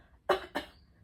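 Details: Two short, firm voluntary coughs made on purpose, demonstrating coughing in the context of urinary leakage during coughing.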